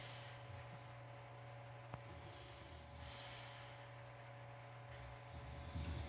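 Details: Bulldogs asleep after playing make low, snorty snoring breaths every few seconds over a steady background hum.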